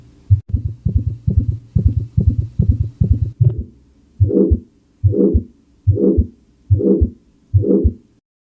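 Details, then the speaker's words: Normal first and second heart sounds: regular paired lub-dub beats, faster at first, then about 75 per minute, faint music behind; S1 from mitral and tricuspid closure, S2 from aortic and pulmonary closure. "s1 es el primer sonido cardíaco y se origina por el cierre de las válvulas mitral y tricúspide s2 produce por el cierre de las válvulas aórtica y pulmonar"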